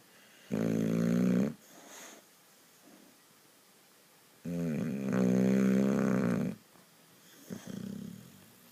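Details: Boxer dog snoring: loud, droning, fluttering snores on long breaths with quiet gaps between; heavy snoring in a sleeping dog.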